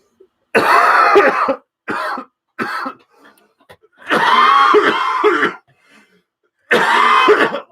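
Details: Adult with influenza A in a coughing fit during a livestream, microphone on a table some distance away: about five harsh, forceful bursts, some long and straining, with brief pauses.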